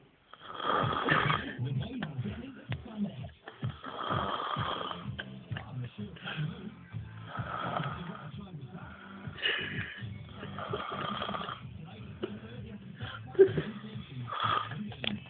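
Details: Snoring from the recorder's best friend: rough, rattling snores repeating every few seconds under a steady low background sound, possibly music.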